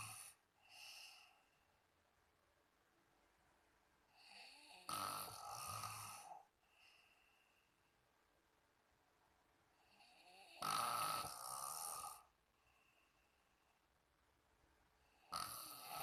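Three harsh, rattling snores on the in-breaths, about 10 breaths a minute, with softer breathing sounds between; snoring.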